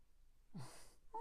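A single rough, noisy breath with a low rumbling onset from a sleeping dog: snoring, in a quiet room.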